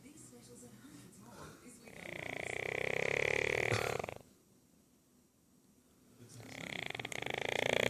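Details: 9-month-old Aussie Bulldog napping after a big walk, with long, loud, harsh snoring in-breaths with a rough fluttering edge, separated by quiet out-breaths; snoring.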